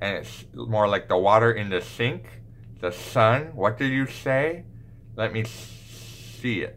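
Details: Lateral lisp, the second of two main types of S lisp, acted as a demonstration by a male pediatric speech therapist on short phrases.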